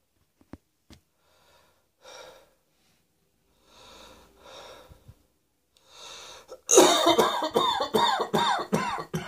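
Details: Acted adult coughing, cross-dressing performance: a few soft, breathy coughs, then a rapid run of about eight loud, harsh coughs close together. Repeated cough.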